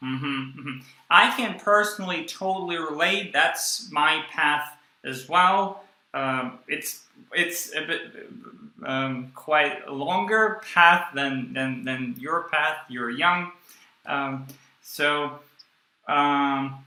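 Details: Adult male speaker; no speech disorder evident.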